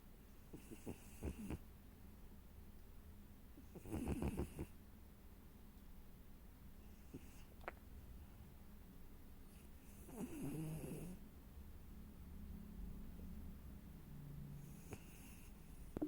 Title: Moggy snoring